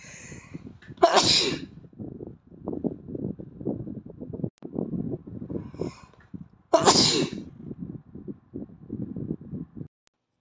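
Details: An Asian boy with allergies sneezing: two loud, sharp sneezes a few seconds apart over steady breathy background noise.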